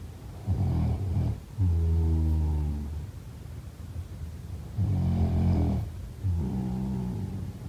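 Two loud, low, rattling snores about four seconds apart, each a rough rumble followed by a buzzing, droning tone: ordinary sleep snoring.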